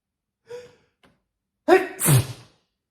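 A short sharp intake of breath, a faint click, then a loud explosive burst: a big sneeze.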